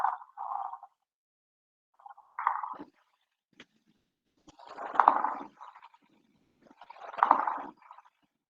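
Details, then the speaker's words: Coarse creaking, grating sounds recurring with each breath: pleural friction rub, from roughened visceral pleura rubbing the parietal pleura in pleural inflammation or tumour. "el roce pleural se asocia con inflamaciones de la pleura o procesos tumorales en donde la pleura visceral se puede tornar lo suficientemente áspera pues que al rozar con la pared al rozar con la parietal pues nos va a producir un sonido y se escucha de esta manera"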